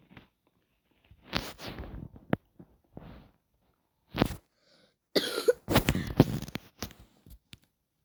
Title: First vid sorry had a cough